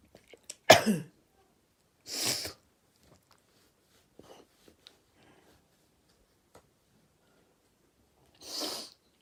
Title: Sneezing 1